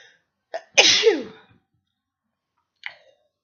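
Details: Person sick with a cold, sneezing in bed after holding sneezes in: a short in-breath, then one loud explosive sneeze with a trailing voiced release in a quiet room.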